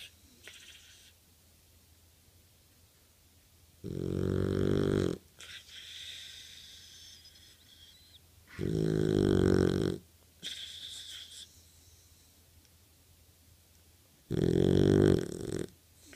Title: Cutest Snoring boxer puppy